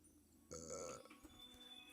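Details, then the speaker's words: Person who says they feel very bloated and gassy: one loud, drawn-out burp of about half a second, with music and faint talk in the background. "I think Scary Movie gives me the farts too. I am so bloated, it's not even funny."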